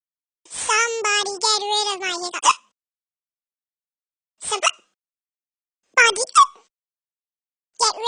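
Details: Animated game character Talking Tom (Talking Tom Cat 2 app), not a real person: high, sped-up cartoon voice making drawn-out sounds broken by short, abrupt hiccup-like bursts. Simulated hiccups.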